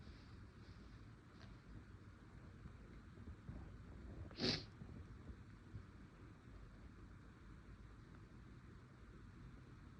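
One brief, partly stifled sneeze burst against steady room hum; a single sneeze.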